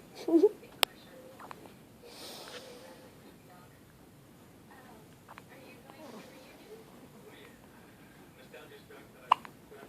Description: My 12 day old son has a case of the hiccups that's making his entire body jump!